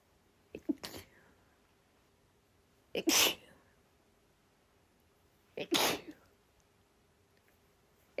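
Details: Female giving harsh, urgent sneezes, a mix of open and half-covered ones with one accidental stifled sneeze: three sharp, forceful sneezes, each preceded by a brief inhaled catch, in a quiet room.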